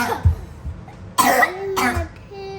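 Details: Child with whooping cough (pertussis) who has had strong coughs for two days: two harsh, forceful coughs with a thin high-pitched tone on the breath between them.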